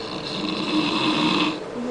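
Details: Loud snoring from a man (father-in-law) asleep in a hotel room: one loud, rough, rattling snore drawn out over most of the clip.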